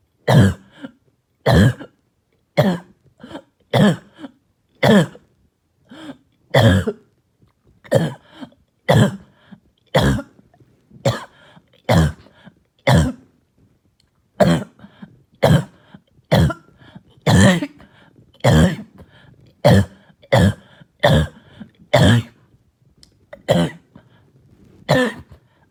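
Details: Child coughing all night with a harsh, hacking cough, heard here as repeated harsh barking coughs, many single and some in quick pairs; barking cough.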